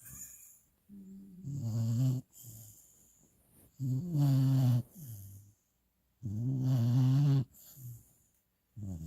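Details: Young puppy asleep with mouth wide open after first walk following final vaccinations, also licking: regular loud low rumbling snores about 23 per minute with softer breaths between; snoring.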